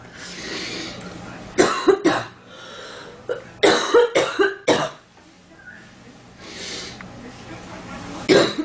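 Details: Girl with itchy, stuffy nose in cold weather coughing: several bursts of short, dry coughs in quick clusters, with breaths and sniffs between them.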